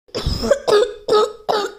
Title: me coughing a lot more than I usually cough 😷